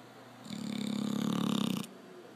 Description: Snoring Labrador .